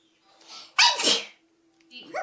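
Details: A woman: a short in-breath followed by one sharp, explosive sneeze.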